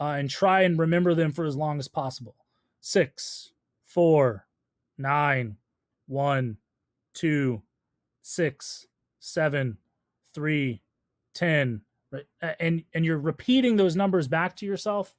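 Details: Adult male speaker; ordinary speech.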